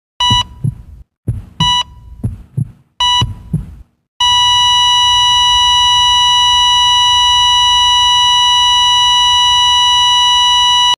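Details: Cardiac monitor: three beeps with low thuds, then a continuous flatline tone signalling a stopped heart rhythm.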